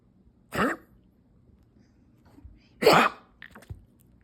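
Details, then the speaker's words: Yorkie named Jay in a coughing fit triggered by a bath; owner says vets call it chronic bronchitis, not tracheal collapse: two harsh, hacking coughs a couple of seconds apart; chronic bronchitis cough. "This is what I want you to hear cuz they're saying it's not trigger collapse. It's like some kind of bronchial infection, chronic bronchitis."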